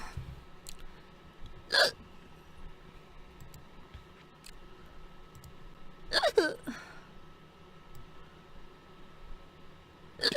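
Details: A girl on a live stream has fast hiccups: four sharp, brief gulping hiccups in ten seconds over quiet room noise; hiccups.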